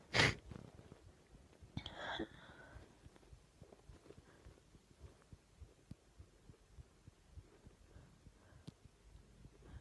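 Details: Induced sneezing: one loud, explosive sneeze, then a softer breathy burst, followed by quiet room noise.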